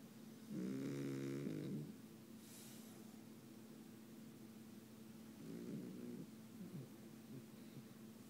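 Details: French bulldog snoring while asleep: two rattling, buzzy snores on breathing in, separated by quiet breathing, over a steady low room hum.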